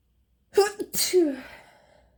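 A sharp breath in, then an explosive burst with a voiced 'choo' that trails off. This is a single sneeze.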